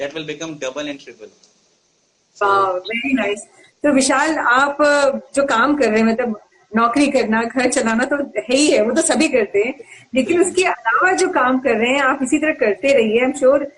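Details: Adult speaker; typical speech.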